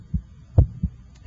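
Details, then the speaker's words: Electronic stethoscope at the apical PMI, timed with the radial pulse: low thumping heartbeats with clear first and second sounds, first sound louder at the apex; normal first and second heart sounds. "can hear the second heart sound the first hot sound should have a louder quality in this apical position I'm just interested in listening to the first and second heart sounds"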